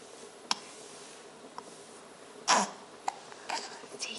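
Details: A baby boy with hiccups: small, abrupt catching sounds recurring irregularly in a quiet room with faint rustling: hiccups.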